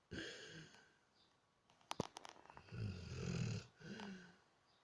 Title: Sky - The Weimaraner (Snoring)